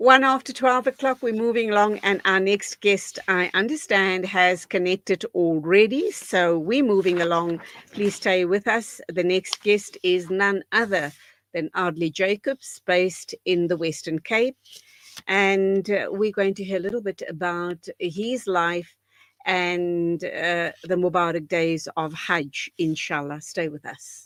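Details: Adult presenter speaking; normal fluent speech.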